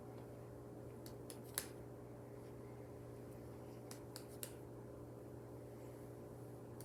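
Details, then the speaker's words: Light, quick percussion taps on the patient's back over the lungs during a head-to-toe nursing assessment, over a low room hum; resonant, normal note; lungs were bilaterally clear on auscultation. "Okay, those sounded good. Those were resonant, which is just the normal sound we want to hear in your back."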